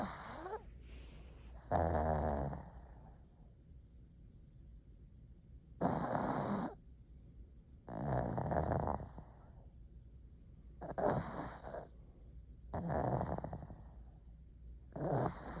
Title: One Minute Of Snoring Pug